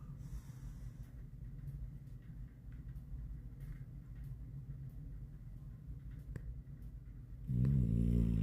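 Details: An animal's steady, low, rumbling snore during deep sleep, ending in a louder vocal groan or whine as the animal stirs.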